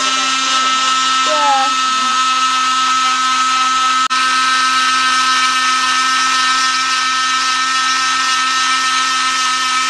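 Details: Oscillating cast saw cutting off a plaster cast and padding after a month of wear, at a doctor's visit: steady high-pitched motor whine.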